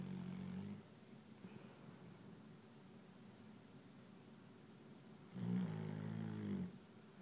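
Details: Snoring in deep sleep: two low, rumbling breath sounds about five seconds apart, with a quiet pause between them.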